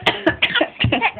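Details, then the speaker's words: Voluntary fake cough from a young girl, a short run of quick, deliberate coughs performed on request, not from illness. "oh is that cuz you got a bad cough he looking doing it now what you think I some sort of Performing monkey"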